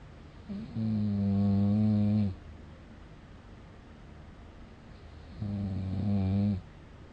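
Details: Snoring recording with a snore score of 60.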